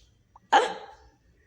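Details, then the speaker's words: Cartoon hiccup sound effect, not a real recording: a single abrupt hiccup-like burst with a brief fading tail. "I got the hiccups. That's how I got this. Hiccups, but the got. Yeah, so I got the hiccups."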